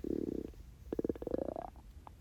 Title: 24 HOUR FAST!!! (starving stomach growls!)